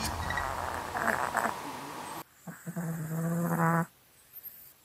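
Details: Dogs snoring loudly while asleep.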